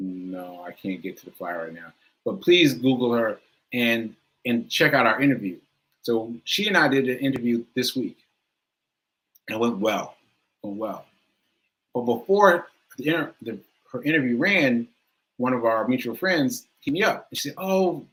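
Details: Male speaker with aphasia, which he says is affecting him today, losing track of his point; word repetitions; aphasia.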